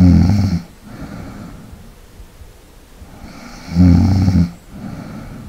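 Low, rattling snores on the breath with quieter breathing between them, a loud snore about every three and a half seconds.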